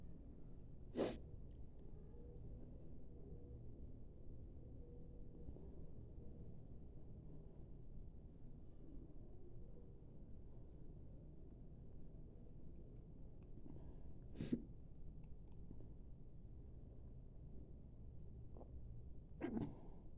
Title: Sneezing challenge Part 1 with nose blowing